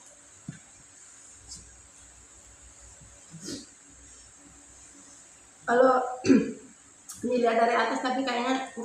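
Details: A few short coughs and throat-clearing bursts in a quiet room after faint eating sounds, during breakfast of very spicy chili sambal and beef skin that left the eater sweating; coughing brought on by spicy food.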